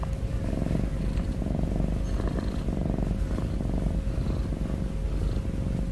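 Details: Cat snoring and breathing heavily: continuous low rumbling breaths with a steady purring quality, recorded close to the microphone.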